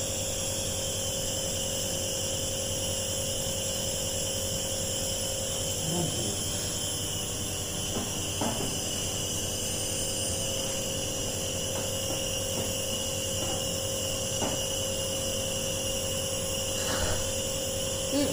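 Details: Nebuliser compressor running continuously, steady mechanical hum and hiss with faint clicks, while a patient with severe cough inhales the mist with normal breathing.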